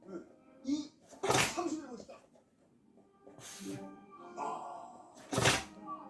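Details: Shih Tzu dog, owner suspects rhinitis, sneezes sharply twice within a few seconds, with soft sniffing and background music.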